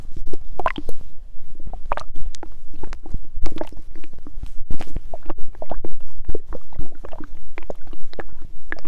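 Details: Hungry stomach growling with water sounds: loud gurgling, bubbling rumbles with watery sloshing; stomach growling (borborygmi), a normal gut sound.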